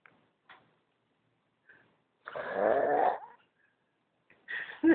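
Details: Loud, rasping, drawn-out snore with a whistling edge, short breathy snorts before and after; heavy snoring.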